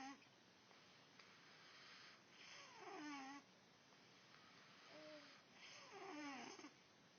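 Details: Two slow, noisy breaths with whistling, squeaky sliding tones, about 19 a minute: snoring.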